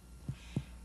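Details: Percussion of the abdomen during a head-to-toe nursing assessment: two short, low, flat taps with no ringing after them, a dull note over the spleen, a normal finding.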